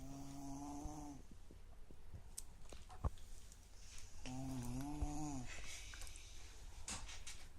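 Two long, buzzing, rising-and-falling snores with a tonal, whistling quality, separated by quieter breathing and clicks; unusual-sounding snoring.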